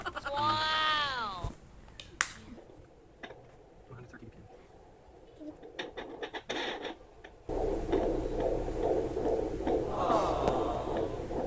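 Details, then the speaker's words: Fetal heartbeat in a second pregnancy, heard on a home fetal Doppler used for the first time: scratchy probe noise, then a rapid whooshing pulse at 140 a minute. "you hear that doc that's 140."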